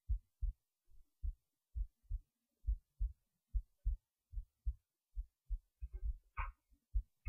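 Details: Heartbeat recorded while resting in bed late at night before sleep: regular low thumps at about 69 beats a minute, a normal resting heartbeat.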